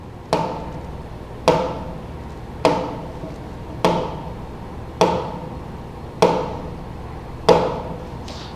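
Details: Normal regular pulse rhythm demonstrated on the "Harvey" simulation mannequin during a vital signs class.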